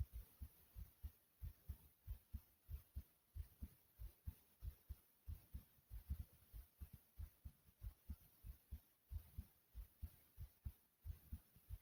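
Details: Pounding heartbeat with heavy breathing after doing jumping jacks: fast, strong, regular heart thumps, a rapid heartbeat after exercise.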